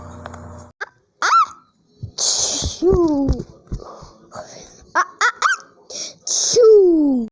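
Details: Rapid string of short, sharp sneeze bursts with squeaky voiced tails, spliced together in a compilation; sneezing.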